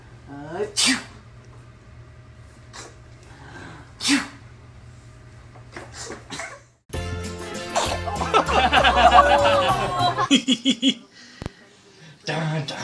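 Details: Baby girl sitting up gives a few small, sharp sneezes over quiet background, followed by music and adult chatter; ordinary infant sneezing.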